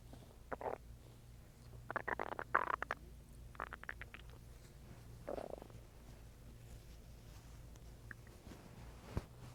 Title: stomach growling for 7 minutes as I eat and drink water